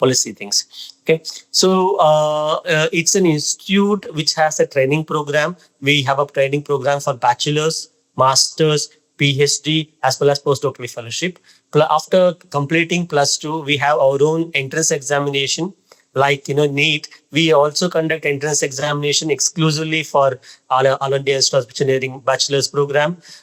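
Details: Adult man speaking; typical speech.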